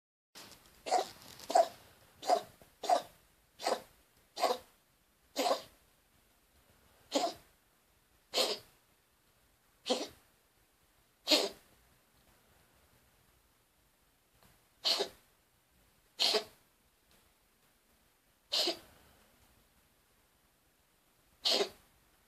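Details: Cat, owner suspects respiratory issues: about fifteen short, sharp, dry coughing bursts, fast at first, then spaced out; cough.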